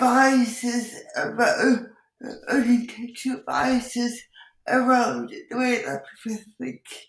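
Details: Dysarthria in an adult woman with cerebral palsy who says her speech is impacted; she also has involuntary movements and uses a wheelchair.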